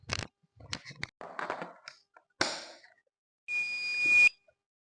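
Brief clicks and handling sounds, then a steady high-pitched electronic tone of about one second: a defibrillator beeping during its power-on self-test.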